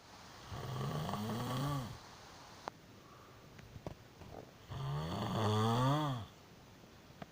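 Two loud, low, vibrating snores a few seconds apart with quiet breathing between; ordinary snoring during sleep.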